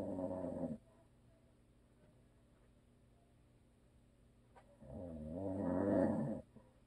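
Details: Husband who always snores, recorded for ASMR with no video: two long, deep, rattling, groaning breaths with a quiet gap; heavy snoring during sleep.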